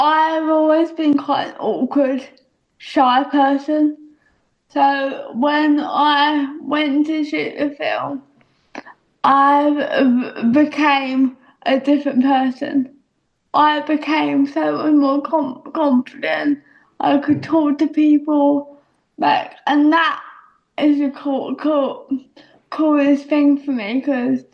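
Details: Young adult female speaker; dysarthria (cerebral palsy).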